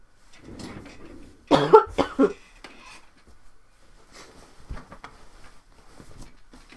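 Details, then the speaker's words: Adult with a common cold on a livestream: three short wet coughs in quick succession with faint room noise and soft sounds between, a cold cough. "you'll get the full the full deal microphone sniffles microphone coughs and microphone blowing my nose really grossly"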